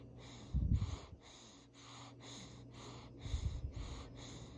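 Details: Sleeping baby: a steady run of soft, airy breaths with two brief snorting, rumbling bursts; congested-sounding noisy infant breathing.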